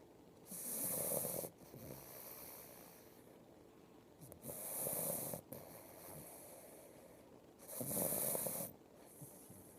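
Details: Snoring: three noisy, rattling breaths about every three and a half seconds, near 17 a minute, with softer breathing between.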